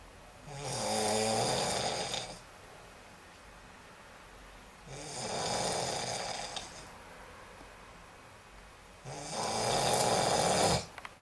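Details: Three loud, rough, rattling snores about four seconds apart during sleep, with quiet pauses between, roughly 14 a minute: snoring.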